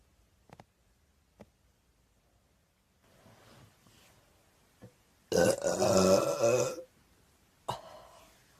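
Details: A long, loud, rumbling burp lasting over a second, with a few small clicks and a brief sound after it in a quiet room; person says they drank too much cider and have hiccups.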